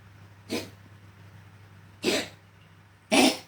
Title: Kucing batuk batuk